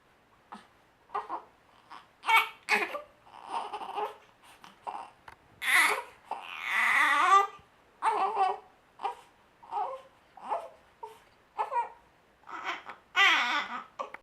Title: Cough, smile, cry